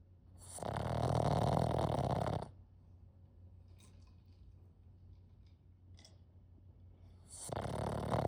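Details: Pixl, a sleeping small flat-faced puppy, deep snoring: loud rumbling snores with quiet gaps between breaths.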